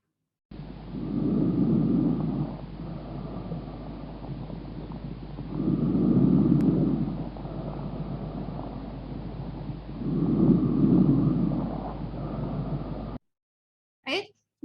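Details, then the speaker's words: Normal vesicular breath sounds, about 13 breaths a minute: soft, low-pitched breathing with inspiration much longer than expiration. "in that pacific person we noticed that the inspiratory sound is longer than the expiratory sound and there is um and it's a soft soft low pitch sound"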